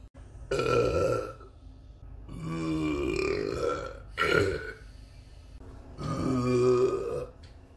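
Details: Person on an S-Bahn train wearing a mask gives four long, loud, deep belches in a row, each about a second or more, with quiet gaps between.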